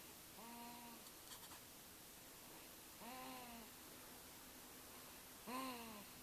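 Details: Elijah, a 5-week, 3-day-old infant, snoring: soft, pitched, squeaky humming noises recurring with breaths about every 2.5 seconds over quiet room hiss.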